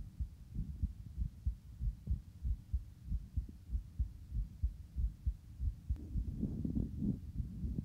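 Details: Male's own heartbeat recorded after exercise, regular low thumps at about 95 a minute, a mildly fast rhythm settling during recovery.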